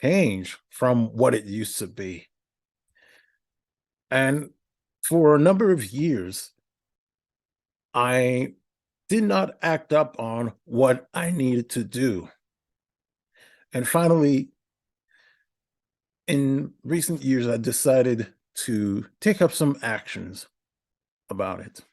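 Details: Adult male podcast host with a speech impediment for about a decade, in therapy for stuttering; stuttering with many filler words, odd verbal interruptions and repetitions.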